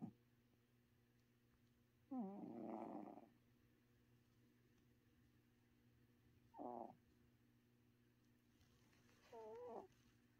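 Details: Snoring in a sleeping cat: three squeaky, whistling snores spaced a few seconds apart against a steady low room hum.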